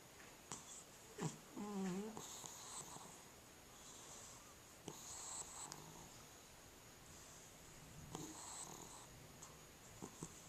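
Soft, faint snuffling snores with brief squeaky breath noises from a sleeping cat, over a steady background hiss.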